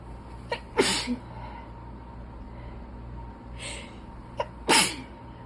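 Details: Two forceful sneezes, each preceded by a quick intake of breath, over steady room hum, during an allergy attack while reading aloud; sneezing of allergic rhinitis.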